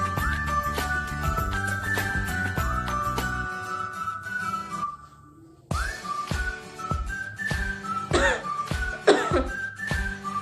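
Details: Two short acted coughs from a student demonstrating cough etiquette, heard near the end over steady background music after a brief pause; simulated cough.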